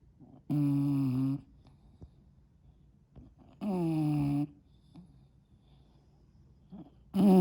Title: The SNORE heard around the world. enlgish Bulldog